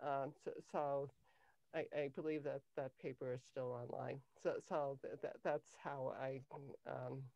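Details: Adult woman with cluttering since age 5; cluttering.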